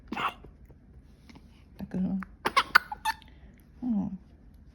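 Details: Infant on day 13 burping after drinking milk: short, low gurgling burps and brief catches with faint soft vocal sounds.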